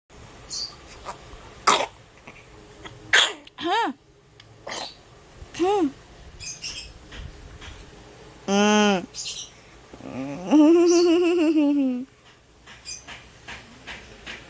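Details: Young child, the recorder's own, coughing: a few short, sharp coughs between brief voiced whimpers and cries.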